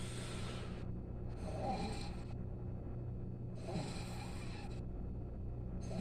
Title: snoring 😴